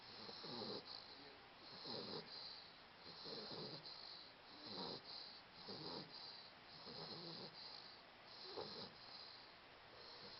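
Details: 16½-week-old napping: soft, rhythmic rattling snores with each breath in, roughly 20 to 25 per minute, over steady background hiss. Snoring.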